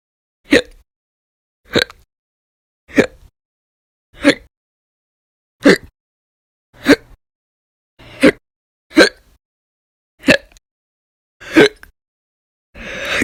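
Sharp, abrupt hiccup sounds repeating fairly evenly, about ten in twelve seconds, roughly 47 a minute; persistent hiccups.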